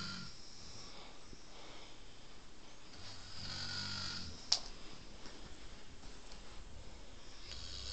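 Soft, low snoring breaths with one snort partway through, against quiet room noise; snoring.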